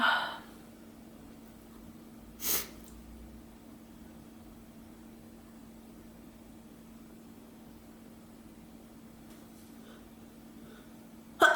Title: Gamer girl sneezing before playing LoL